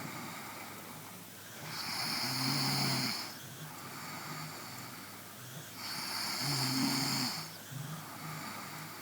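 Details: Two loud rattling snores on the in-breath with quieter out-breaths between, about 14 breaths a minute; ordinary snoring.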